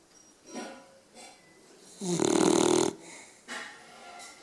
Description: Little dog, big snorer!